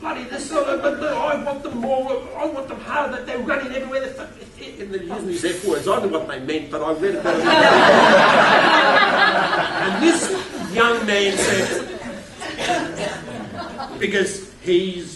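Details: Stuttering in an adult male keynote speaker who states he has a stutter.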